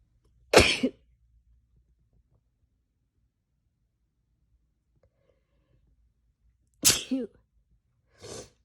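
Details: Sneezing deliberately induced by tickling the nose with a strand of hair: three sharp sneezes, two explosive bursts then a softer one, separated by quiet pauses.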